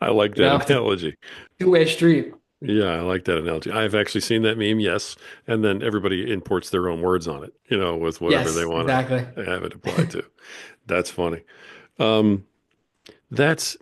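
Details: Adult man speaking; typical speech.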